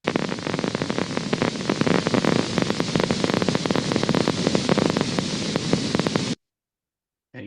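Irregular, rapid crackling pops over a faint hiss from a needle EMG recording: endplate spikes, a normal finding.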